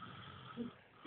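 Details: A sleeping pet dog that habitually snores gives a single brief, rough, low rasping snore, with loud television talk behind.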